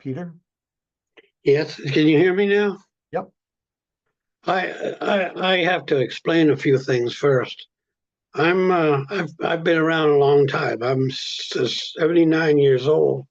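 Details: Adult speaker; stuttering.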